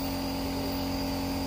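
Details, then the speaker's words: Compressor nebulizer machine switched on for demonstration with no medicine loaded: steady loud motor hum with a constant drone. "इसको connect और इसको करते हैं अभी nebuliser machine वो भी हमने इसमें मेडिसिन नहीं दल राखी है नहीं तो इसमें बाप निकलती हुई दिखती है आपको"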